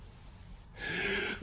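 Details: Man with a clogged nose, on cough medicine and sneezing repeatedly, makes a sudden, rising, noisy breath in: a gasp like the intake before a sneeze.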